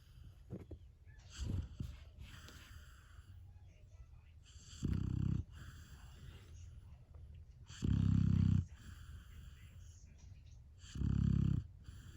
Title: Golden Retriever puppy is Snoring …so cute.